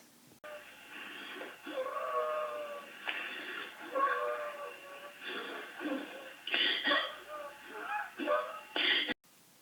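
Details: Wheeze, presented in the context of allergic reactions and anaphylaxis with airway swelling and obstruction.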